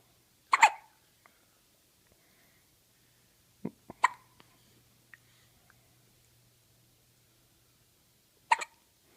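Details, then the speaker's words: Three short, sharp, sudden hiccups a few seconds apart in a cat, with faint handling noise between while the owner comforts it. "who's got the hiccups yeah what you have the hiccups yeah your hicups"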